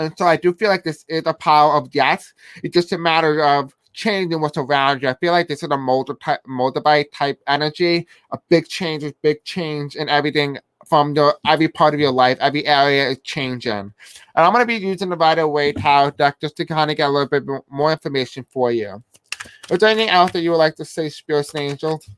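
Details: Deaf speech in a man who says he has a deaf accent and may have a hard time pronouncing certain words.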